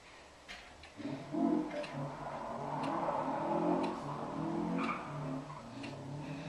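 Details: Sneeze recorded in slow motion: a long, low, drawn-out groaning roar with a rough, buzzing edge and faint clicks.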